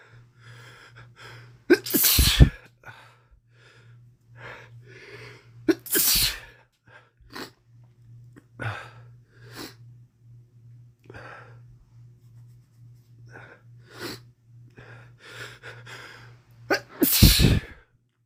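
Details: Man with a common cold, part of a week of cold progression; three loud sneezes in a row with repeated short sniffs between them, steady low hum in the background.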